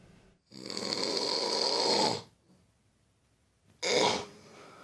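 A loud, rough, rattling snore lasting nearly two seconds, a quiet pause, then the next snore starting: snoring.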